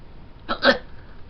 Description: oh well. i never get hiccups, and i'm glad i don't. i sound like i'm dying or s/t.